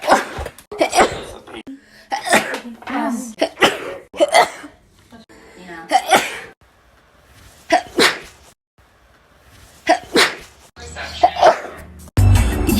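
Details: Several sharp, explosive sneezes in quick succession with bits of voice and room noise between them; ordinary sneezing.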